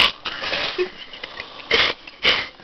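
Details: Morgan snoring close up in a small room: hissing, snorting breath bursts with short pauses between breaths; neck visibly sucks in with each snore.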